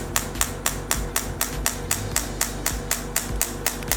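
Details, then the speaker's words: T8+ radial shockwave (ESWT) handpiece firing rapid, even sharp taps, about four per second, over low machine hum during fixed-point, step-by-step treatment of a marked pain point, about 500–600 shots per point. "Fixed point manipulation of pain points. Fixed point operation in a step-by-step manner. A pain point is about 500 to 600 rounds."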